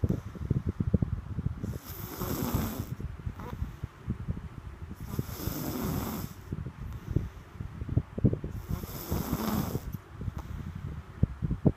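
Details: Low, rattling, fluttering snores in a steady rhythm, about three in twelve seconds, with quieter breaths between: snoring (Rocky).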